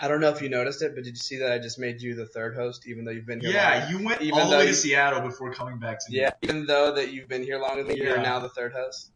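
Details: Adult male speaker; ordinary speech.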